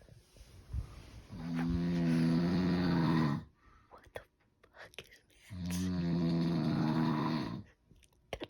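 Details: Two long, loud, rough, voiced snores on breathing in, separated by quiet breathing out; heavy snoring.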